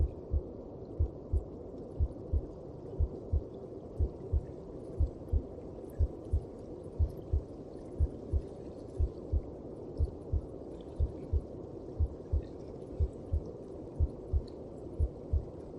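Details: Regular paired low thumps at about 60 beats a minute over a steady whooshing background: a heartbeat heard inside the mother's belly.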